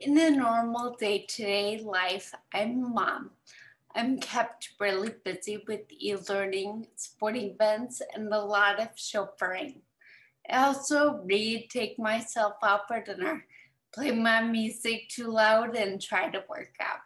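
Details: 38-year-old woman, a mother, with ataxia affecting her movement and speech: ataxic dysarthria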